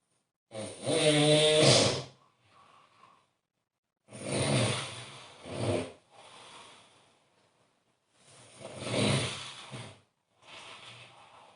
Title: snore snore